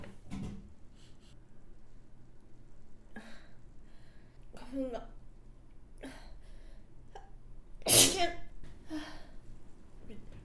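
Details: Acted sneezing by a model at a toast on a date, bothered by flowers: a few sniffs and catching breaths build up to one loud, forceful sneeze.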